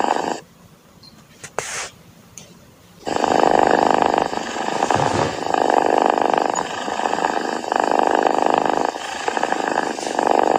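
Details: Sleeping Angora cat snoring: a loud, steady, buzzing, purr-like rumble in long sustained phases after a quiet start.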